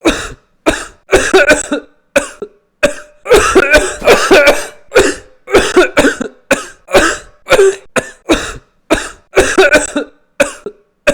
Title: Coughing 100 Times